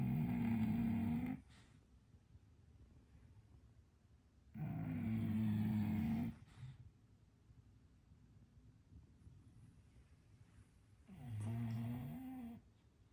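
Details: Sleeping English bulldog, twitching, possibly having a bad dream: three loud, rough, low snores roughly every four to six seconds, with quiet pauses between.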